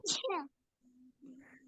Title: sunnah of sneeze and reply to that